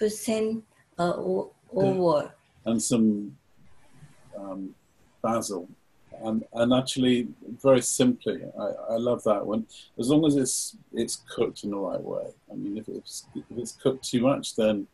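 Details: Person with aphasia after stroke, in online group therapy, searching for words; aphasia with word-finding difficulty.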